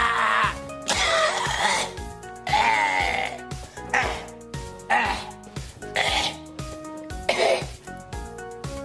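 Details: Adult man coughing repeatedly: about six harsh, throaty cough bursts spaced a second or so apart over steady background music.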